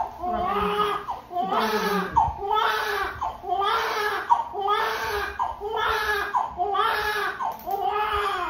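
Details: Newborn baby's first cry and breathing just after birth, with rhythmic wails about one a second and gasping breaths between them.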